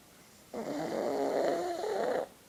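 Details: Pug snoring while asleep: one long, rattling, vibrating snore on the in-breath from a small flat-faced dog in a quiet room.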